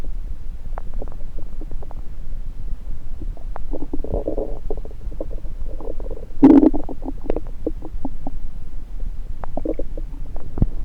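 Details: Irregular gurgles, clicks and brief rumbling runs over a low steady hum, one louder gurgle midway, with a stethoscope placed on multiple parts of the belly: active bowel sounds (borborygmi).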